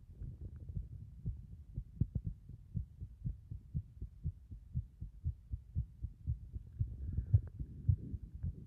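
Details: Heart sounds recorded after caving the chest in three times: muffled low thumps at about 110 a minute, somewhat uneven in loudness; a fast heartbeat.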